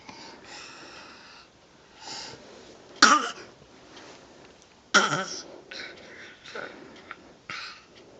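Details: Raspy, breathy, wheezy coughing in a dog, with two sharp harsh coughs and several softer hacking efforts.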